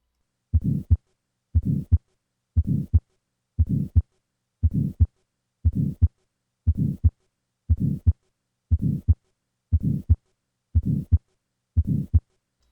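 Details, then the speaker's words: Tetralogy of Fallot, recorded at the third left intercostal space: regular heartbeat near 59 a minute with a harsh systolic ejection murmur from right ventricular outflow obstruction. "the systolic ejection murmur which is heard at the third left intercostal space is typical of right ventricular outflow obstruction that occurs in tetralogy of fellow"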